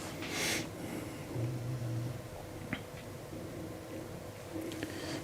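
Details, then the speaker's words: A female dog lying on her new dog bed in a quiet room, snoring: a low, rumbling snore with soft snorting breaths. "you hear my can you guys hear my dog snoring she's laying on her bed down there snoring away"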